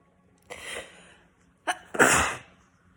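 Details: Sneeze: a short intake of breath, then one sharp explosive sneeze with a hissing burst of air.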